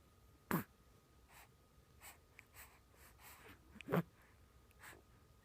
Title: Sleeping baby to sneezing baby to talking baby